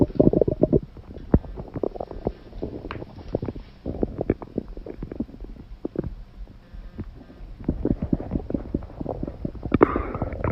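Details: Irregular low gurgling and rumbling bursts from a girl who has held in a bowel movement all day and urgently needs to defecate; stomach growling (borborygmi).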